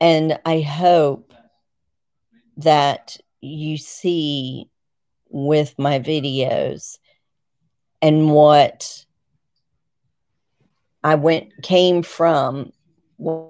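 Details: 51-year-old woman with essential tremor (diagnosed 2019) and Parkinson's disease, on medication and physical therapy; word loss returned with stiffness and rigidity below her knees; word-finding difficulty.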